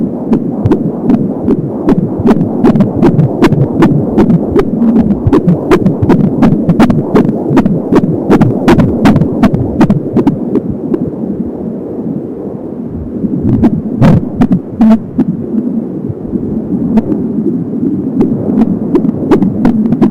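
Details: Fetus at 26 weeks of pregnancy, heard with an Angel Sound home fetal Doppler: rapid, regular heartbeat at about 170 beats a minute with a whooshing umbilical cord sound.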